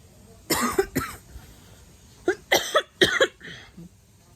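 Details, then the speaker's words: About five dry, harsh coughs in two clusters from a woman recovering from laparoscopic gallbladder removal, coughing because of the breathing tube placed during surgery; post-intubation cough. "because of the tube that they put inside me for breathing"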